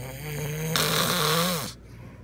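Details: Husband snoring very loudly at night, keeping his wife awake: one long, loud, rattling breath with a low droning buzz that trails off; heavy snoring.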